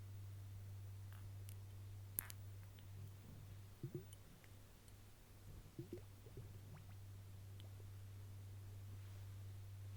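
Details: Stomach rumbling (borborygmi).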